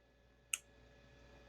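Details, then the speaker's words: A single sharp click as a TMS (transcranial magnetic stimulation) coil fires one single pulse at turned-up intensity in a live demonstration on a volunteer, producing thumb movement and face twitching, over a quiet room hum. "So, the magnetic coil, this is a big huge capacitor, big battery that stores a single charge. And then I press the button, makes a little clicking noise, and then it gets your muscles to move."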